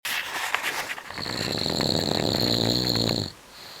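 A loud, rattling, buzzy snore on a long inward breath, with a fluttering vibration through it, then quiet. Typical snoring.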